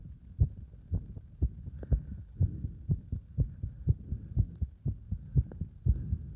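Fast, regular low heart thumps at about 120 a minute, a quickened heartbeat during exercise.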